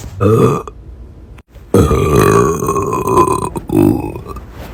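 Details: Burping: two loud, low, gurgling belches, the second long and drawn out.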